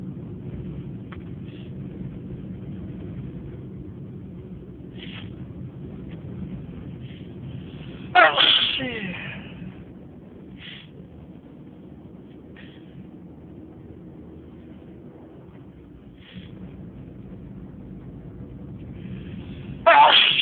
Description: On this video I sneezed for 6 minutes....more of 30 sneezes. Enjoy!!